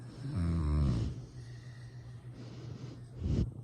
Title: My baby sleeping and snoring haha 😆